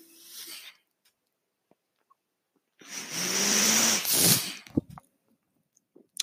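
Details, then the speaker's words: The podcast host's own mechanical ventilator, heard while he speaks: two bursts of hissing, rushing air with a low humming machine tone, separated by quiet, the ventilator's breath cycling. "hello everyone my name is that noise earring is my ventilator"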